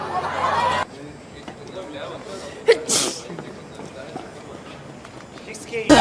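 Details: A single sharp sneeze from a K-pop idol cutting through talk in a busy room, a sudden burst of air then quiet; a dusty room is mentioned; sneeze.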